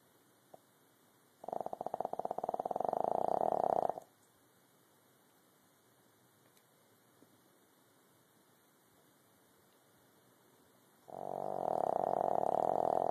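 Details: Sleeping cat snoring: long, steady buzzing rattles on breaths in, separated by long quiet pauses, close to a purr in sound.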